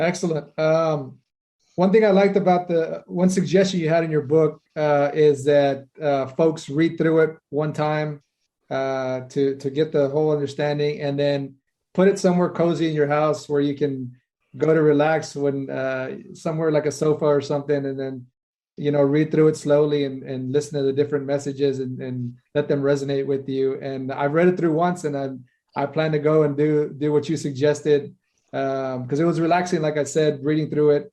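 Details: Adult speaker; ordinary speech.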